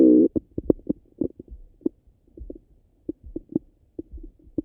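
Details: Stomach rumbling after breakfast: irregular low gurgles and bubbling pops from the belly; normal bowel sounds (borborygmi).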